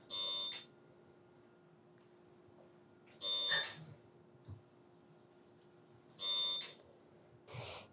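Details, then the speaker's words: CO2 laser resurfacing of a deep chickenpox scar on the forehead, second pass: high-pitched beeping bursts, about 20 a minute, with quiet room hiss between, the laser's firing tone. "just like a stamp the laser heats areas of the skin and this stimulates the body to generate more collagen"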